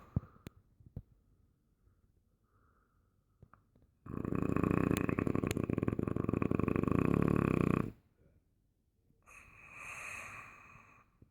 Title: bulldog snoring